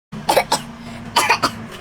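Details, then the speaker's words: Coughing child, apparently unwell: two quick pairs of short, dry coughs with a steady hum of room noise behind. "kenapa? Kakak sakit ya? Oh, batuk."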